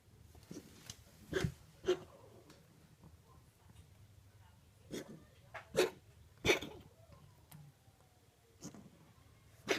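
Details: Cat with chronic bronchitis, recurring every spring for years, which vets attribute to allergy: repeated short, harsh expiratory coughing bursts, several in ten seconds, in a quiet room.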